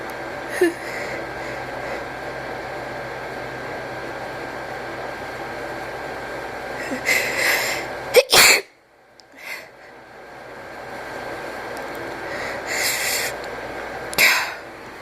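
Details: Steady room hiss and breathy build-ups with false starts, then two sharp explosive sneeze bursts about six seconds apart, at the end of a long unedited sneeze recording.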